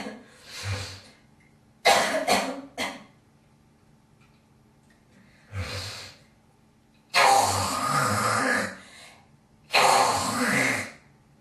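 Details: A girl coughs and then gives long, harsh, hawking throat clears: a productive cough bringing up phlegm.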